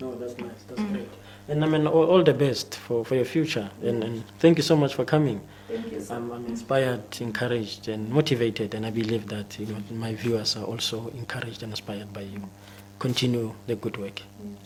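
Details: Adult man speaking; normal speech.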